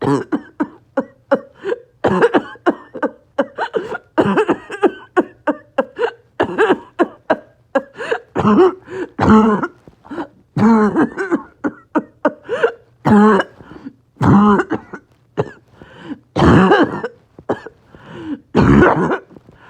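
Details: Coughing spasm in COPD with low oxygen: repeated harsh, barking, choking coughs in back-to-back spells with strained, gasping breaths between and extreme shortness of breath.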